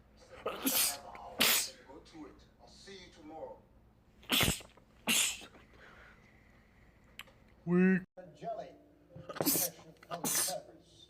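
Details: Rapid sneezing attack in a man: several sharp sneezes in quick succession with brief voice sounds between; a rapid sneezing fit from a sneeze compilation.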